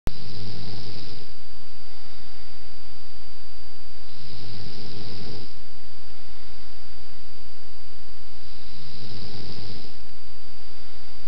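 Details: A person snoring, recorded at a birthday in December 2001: three low, rumbling snores, each about a second long and roughly four seconds apart, over a steady background whine.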